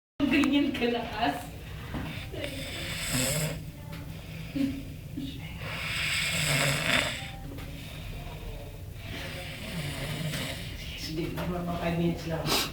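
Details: Loud, harsh snoring breaths every few seconds, partly masked by music and talk; a person sleeping during operating room duty.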